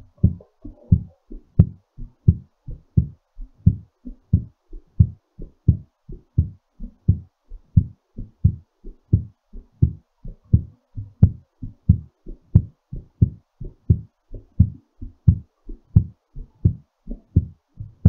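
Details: Normal heartbeat recovering after exercise: strong, regular heartbeats at about 88 a minute, slightly quickened rhythm.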